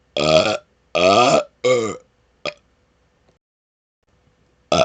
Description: Some of my best rapid-fire burps so far! :)